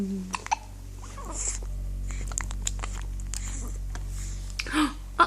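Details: Male, hiccups: short, sharp, abrupt catches of breath at irregular intervals over a low hum and faint music.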